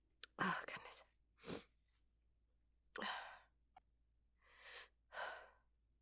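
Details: Woman's hitching, breathy build-up with false starts, announcing "I'm gonna sneeze," then several strong, voiced, breathy sneezes in a quiet room, with no nose blowing.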